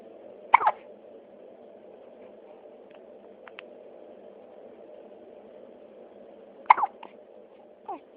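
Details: Morning hiccups: two sharp, abrupt hiccups about six seconds apart, with a fainter one after, over a steady low room hum.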